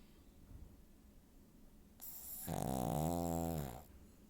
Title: Pug Dog Snores Loud